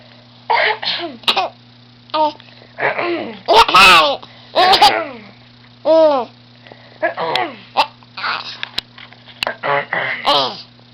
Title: Baby fake coughing funny